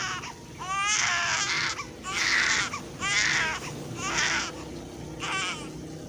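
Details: Infant cry: repeated high-pitched wailing bursts, about one per second, with rising and falling pitch.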